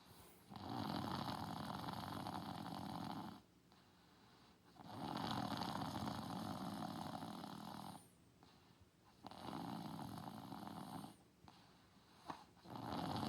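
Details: Asleep on a couch: three long, rough, slow, steady snoring breaths with quiet pauses between; ordinary snoring.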